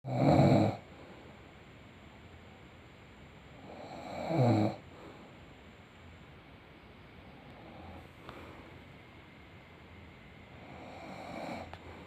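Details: A baby and father, both exhausted, snoring together in a quiet room, with loud rattling snores at about 15 a minute and softer snoring between them; snoring.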